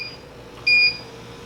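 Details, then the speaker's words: Inogen One G4 portable oxygen concentrator being switched on: a short, high electronic beep over faint room hum at start-up; the unit then runs quietly, on flow setting three. "I'm going to show you just kind of real quick um just how to turn it on it's pretty simple power you'll hear it come on here in a second"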